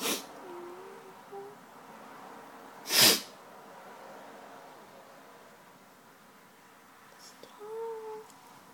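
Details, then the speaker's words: Single sharp, explosive sneeze in a quiet room with faint murmuring before and after; sneeze. "sneezed on myself."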